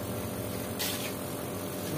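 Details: Steady motor buzz with a brief hiss from a nebulizer compressor under repair: motor and piston running but no air coming out of the output line.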